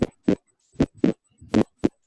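Paired lub-dub beats at roughly 80 a minute, with a quiet pause between each pair: normal first and second heart sounds.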